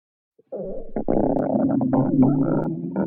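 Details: Stomach growling: a long, low gurgling rumble with bubbling shifts.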